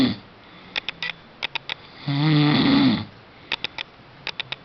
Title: roncando